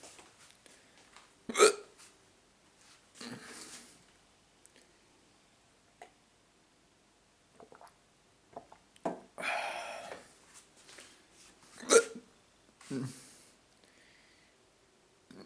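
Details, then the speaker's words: Person with hiccups: sharp, abrupt gulping catches recur several times between quiet pauses, with breaths and faint room noise. "video um hiccups um i i think i'll get some glass of water and it might help with the hiccups"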